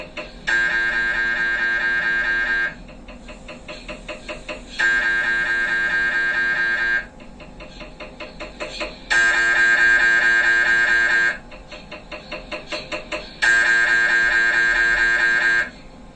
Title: MRI hangok/sounds